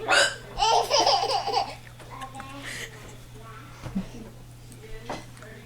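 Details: Woman hiccuping: her voice is broken by short, sharp, abrupt catches of breath, about two a second, while a friend's baby laughs.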